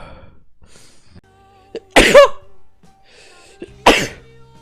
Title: Sneezing Nivikon compilation